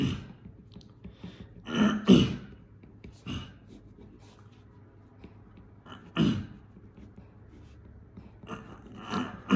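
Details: Person with Tourette syndrome producing a throat-clearing vocal (phonic) tic, often mistaken for Covid; throat clearing tic.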